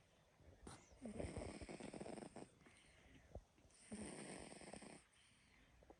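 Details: Pet named Rowan sleeping and snoring: two soft, fluttering snores with small clicks and snuffles between them, about ten breaths a minute.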